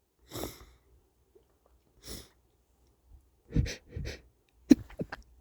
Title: Stuffy wet sneezes (m)